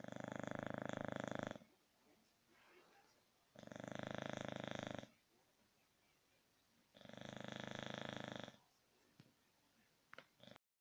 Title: Snoring English Bulldog